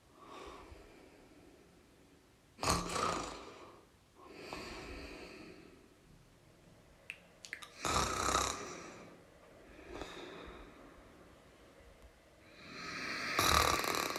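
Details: Snoring sound recording: loud, rough snores of irregular strength with breathing between them, in a quiet room.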